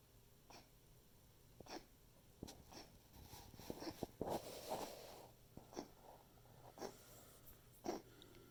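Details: Pet's coughing fit, a repeat episode recorded to document for the vet.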